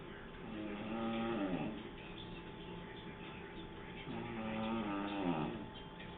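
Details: Sleeping person recorded on an HTC mobile phone: two long, groaning, tonal snoring breaths over a faint steady room hum. Snoring.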